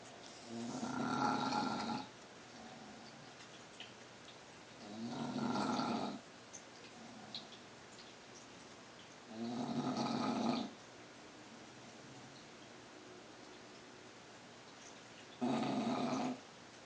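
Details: Snoring during sleep: loud, rattling snores on inhalation, about 14 breaths a minute, with quiet pauses between.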